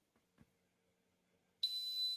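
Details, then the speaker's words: Simulated tinnitus sound effect: a steady high-pitched ringing tone with hiss starts suddenly, played to show the constant ringing heard by hosts who have tinnitus. "Oh, yeah, that's it. That's it. Yep. This is what Ron and I, and maybe MPN. Yeah. This is what we hear in our heads all the time. Yep. Never stops."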